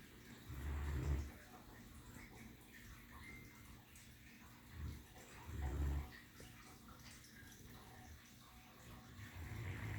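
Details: Female Great Dane lying on her pillow, snoring with deep, low rumbling snores on the in-breath (about 13 breaths a minute) over quiet room noise; snoring.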